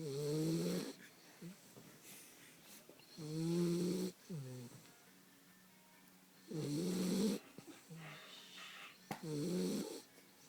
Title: Dog snoring